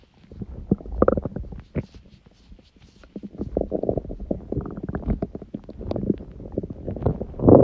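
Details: Stomach growling recorded at 1:30 after waking from sleep, following too much udon at 19:30; the owner suspects the gut was surprised by gluten after a long break. Continuous low gurgling and bubbling rumbles with short pauses: borborygmi.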